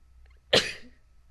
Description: sneezing